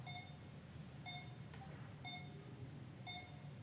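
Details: Boztron BT-1800A patient monitor: regular electronic beeps about once a second, around 60 a minute, over quiet room noise.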